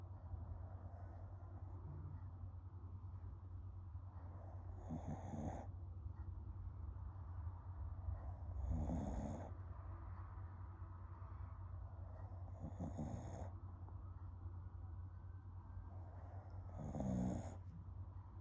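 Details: A female snoring with her eyes open: soft snorting snores roughly every four seconds, about 15 a minute, over a steady low hum; ordinary snoring.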